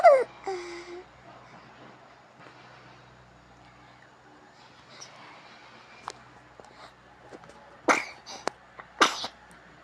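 Two brief, sharp infant sneezes after a short baby vocalisation, with a quiet room between.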